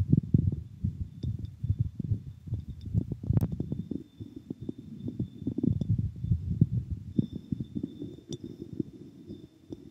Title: Boy Exercise Heartbeat